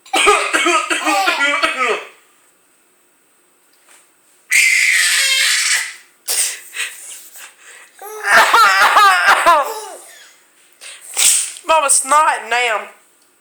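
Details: Adult giving a run of harsh, repeated coughs while an infant daughter laughs in bursts between them; ordinary coughing, voice lost afterward.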